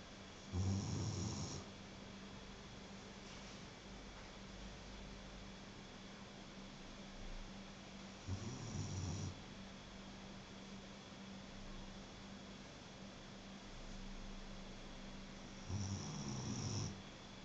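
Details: Snoring: three short, low, rumbling snores about every seven to eight seconds over a steady background hum.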